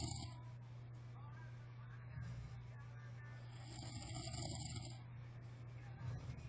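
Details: Sleeping adult friend snoring: quiet, steady low rumbling snore with faint room noise in the background.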